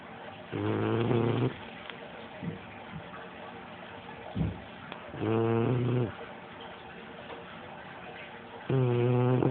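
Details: Snoring in a sleeping Shar-pei dog: three loud, buzzing, vibrating snores about four seconds apart, with quiet breathing between them.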